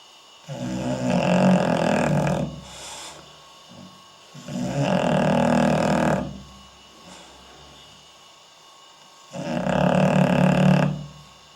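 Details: Snoring in a sleeping English Bulldog filmed with night vision, belly rising and falling: loud, rough, rattling snores on each inhale, about three in eleven seconds, with quieter exhales between.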